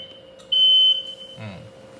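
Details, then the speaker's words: A single sharp high beep, then quiet room sounds: a Progressa hospital bed's exit alarm, triggered when the person on the bed moves, during a training demonstration. "Okay, Can you try to move? Yes. See? So it's alarm. So you can silence Silent. it."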